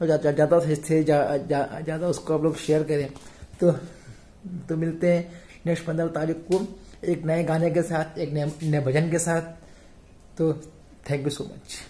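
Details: Stuttering in a male speaker; sparse speech in this stretch may reflect blocks or pauses.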